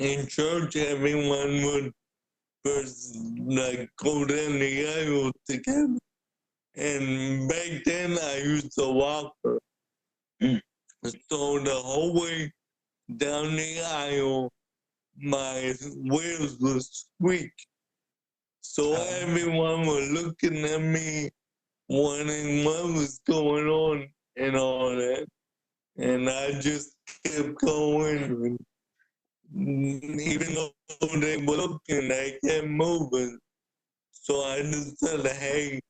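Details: Dysarthria in an adult man with cerebral palsy since birth who uses a wheelchair and describes himself as higher functioning with mainly physical limitations; speaking is noted to be hard for him.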